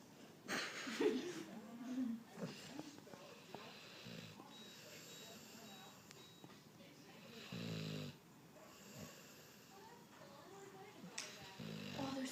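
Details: A sleeping 15-week-old Cane Corso/mastiff cross puppy snoring: soft, rumbling snores over several breaths in a quiet room.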